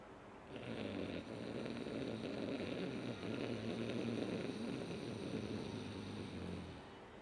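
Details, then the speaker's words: Ujjayi pranayama breathing exercise, seated with spine straight and tongue rolled: steady, rough throaty breath noise deliberately imitating snoring while inhaling and exhaling through the nose, not true snoring. "you inhale from your nose exhale from your nose but while inhaling you can feel the air touching your nostrils touching your glands and going deep inside your throat you create the sound of snoring while inhaling"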